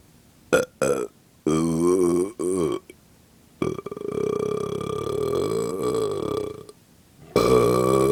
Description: Some burping after a small bloat.